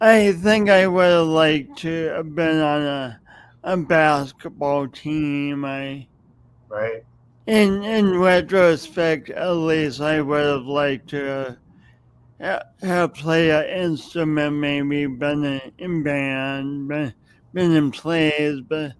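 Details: Adult man with a speech impediment, no specific diagnosis named, audible whenever he speaks, who also has motor coordination differences; speech impediment.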